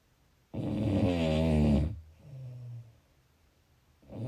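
Low, rattling snore on a breath in, followed by a softer breath out: snoring.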